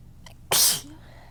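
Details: A brief catch of breath, then one loud, hissy sneeze after a big buildup; nose has been irritated, and these are bigger than the person's usual small 'kitten' sneezes.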